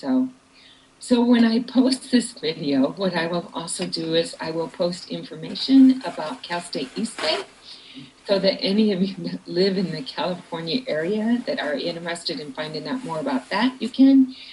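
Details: Adult woman speaking; no speech disorder.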